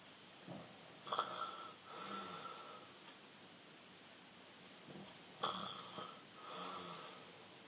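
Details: Younger brother asleep: rattling snores with a whistling edge on the breath in, then a softer breath out, repeating over several cycles: snoring.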